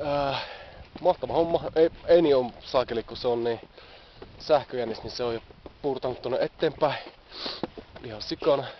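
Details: Adult man who stammers, speaking Finnish; stuttering.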